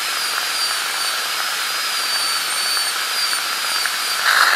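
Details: Steady high-pitched whine of a dental drill cutting a tooth preparation during an ADC practical exam demo of an FGC preparation on tooth #36.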